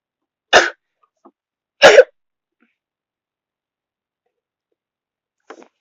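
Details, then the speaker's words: Sneezes self-induced by wiggling twisted tissue in the nose: two short, sharp sneezes about a second apart, then a faint small sound, in quiet surroundings. "See, it works. It's easier than pepper. Well, for me at least."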